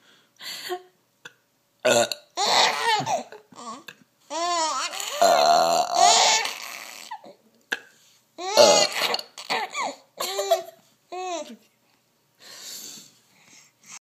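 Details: Ordinary burping: several belches from the baby's mother, each followed by the baby's bursts of laughter and giggling.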